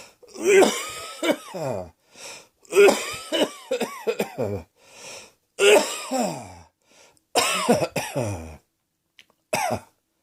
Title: Cross Dressing Coughing 38